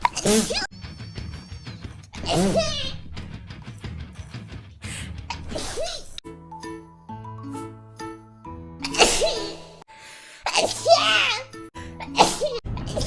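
Several sharp, high-pitched sneezes from an acted character voice, edited together over background music.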